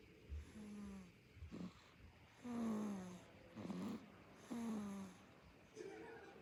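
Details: Korean baby snoring: soft, low snoring noises with each breath, about 29 a minute, with faint whistling tones; infant snoring.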